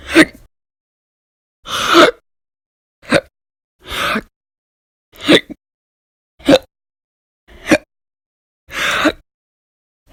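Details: Audio-only recording from a month-long log of violent, loud, persistent hiccups: about eight abrupt, gulping hiccups, roughly one a second, with silence between.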